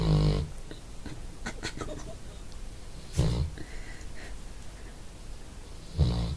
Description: lazy dog snooring after doing nothing